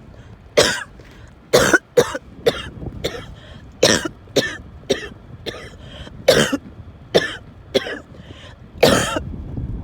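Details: Coughing fit while in the car, with wheezing and choking episodes reported; about a dozen harsh, repeated cough bursts in quick succession over ten seconds, faint road hum behind.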